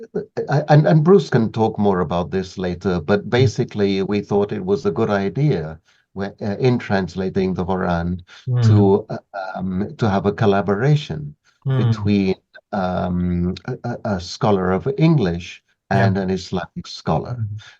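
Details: Adult male speaker; normal voice.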